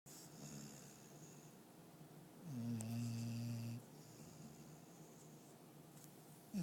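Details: Female dog snoring while asleep in a quiet room, recorded on an iPhone: a soft breath, then one louder droning, buzzing snore on the in-breath; snoring.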